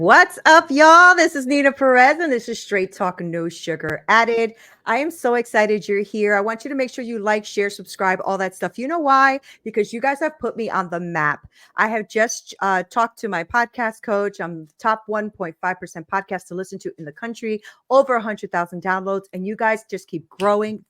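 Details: Adult woman speaking; normal speech.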